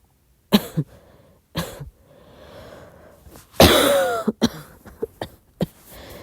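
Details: Several short coughs and throat-clearing sounds with a longer harsh cough burst in the middle, in a quiet room at midnight; an ordinary soft cough.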